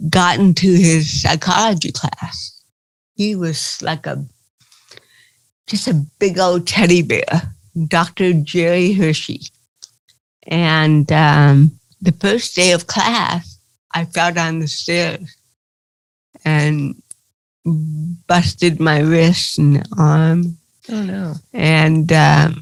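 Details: Adult woman with cerebral palsy, real, speaking in an interview; dysarthria (cerebral palsy).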